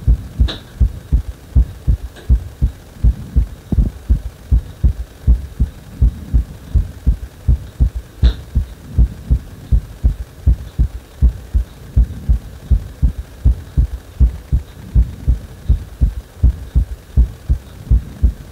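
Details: Heart speeding up on its own after compression: regular low heartbeat thumps at about 81 beats a minute, steady throughout.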